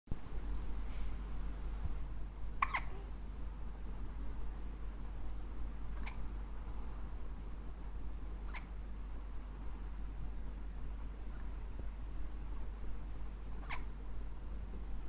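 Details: Hiccups: soft, sharp hiccups recurring about every two to three seconds, roughly five in total, over a steady low hum.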